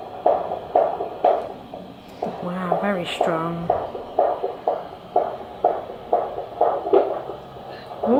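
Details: Fetal heartbeat heard by a midwife on Doppler at 36 weeks 5 days of pregnancy: rapid, strong whooshing pulses about 120–130 a minute, with brief movement noise as the baby kicks; back on mother's left side; normal fetal heartbeat.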